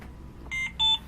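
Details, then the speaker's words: Trilogy home ventilator unplugged from mains during a staff training session: two short, high electronic tones, the power-loss alarm signalling a switch to battery power. "see you lost power you're on your back battery so be careful when your battery gets low it beeps at you your battery's low"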